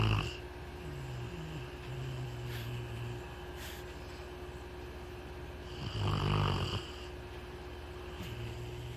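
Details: Sleeper snoring: low, rumbling snores with a louder snorting breath in the middle, over a steady room hum; snoring.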